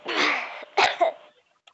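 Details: Child with a cold, while singing: one long harsh cough followed by two shorter coughs.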